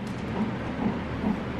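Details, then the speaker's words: Fetal heartbeat on a monitor during a non-stress test at 37 weeks of pregnancy in a 36-year-old mother: rapid, regular whooshing thumps about 135/min; whooshes indicate fetal movement. "So you can actually hear in the background there, that's the baby's heartbeat. That sound."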